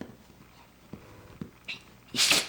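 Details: Dog with a bout of sneezes, described as itchy: a short in-breath, then one sharp, hissing sneeze burst in a small room.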